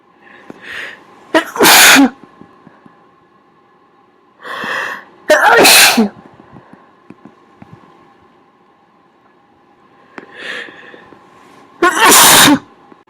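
Three sneezes, each with an in-breath then a muffled burst, over a steady background hum; covered sneezes.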